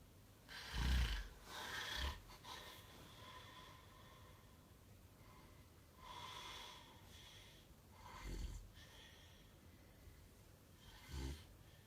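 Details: A friend snoring during sleep: several loud, rough, low snores with snorting breaths at irregular intervals.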